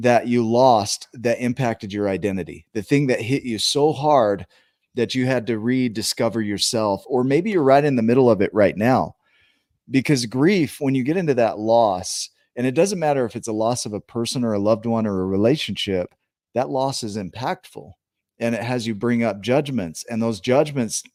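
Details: Adult speaker; normal speech.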